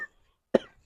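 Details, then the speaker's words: Acted comedy skit, adult man playing a patient with fever, cold and cough: a single short, forceful acted cough in a quiet room. "है doctor साब जुकाम और खांसी भी है अच्छे से दबा देना"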